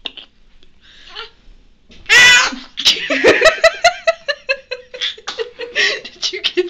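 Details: Baby sneezing right after a bath: a single sharp, noisy sneeze burst, followed by a run of short high-pitched infant vocal sounds. Sneezing.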